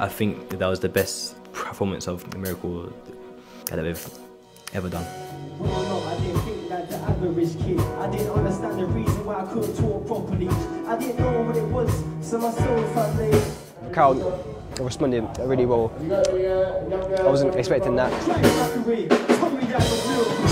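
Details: Man who stutters when speaking, saying it largely disappears when he raps; speaking here, nervous before his first big festival performance; stuttering.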